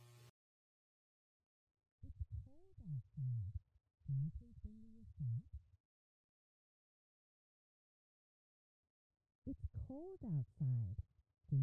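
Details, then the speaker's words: Simulated sentence showing how speech may sound to a child with severe to profound sensorineural hearing loss: heavily muffled, unintelligible speech, for demonstration only. "the first sentence is an example of how speech may sound for a child with severe to profound sensory neural hearing loss"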